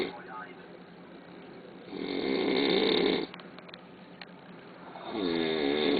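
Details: Extremely loud snoring from a man, described as louder than any other snoring heard.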